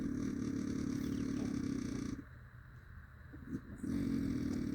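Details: Five minutes of steady loud snoring that sounds like a dirtbike: rough, rattling snore with a fast buzzing flutter and brief pauses between breaths.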